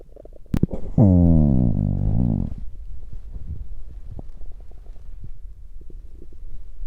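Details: Stomach growling recorded mainly for digestive rather than hunger sounds: a deep, drawn-out gurgling growl of about one and a half seconds, then softer bubbling; ordinary bowel sounds (borborygmi) from digestion.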